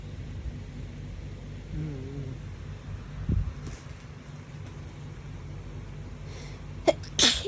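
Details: Two quick hay fever sneezes near the end over steady background noise, from a compilation filmed over 3–4 days.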